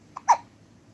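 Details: 3-week-old baby girl who gets hiccups every time after drinking milk: a single short, abrupt catch of breath with a soft voiced squeak; infant hiccup.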